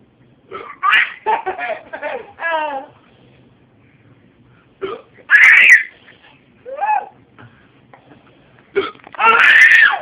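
Short, sharp voiced catches at irregular intervals, with laughter and vocal sounds between them. These are hiccups.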